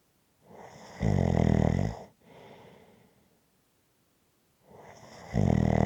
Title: Snoring Sounds to Relax to after a hard day.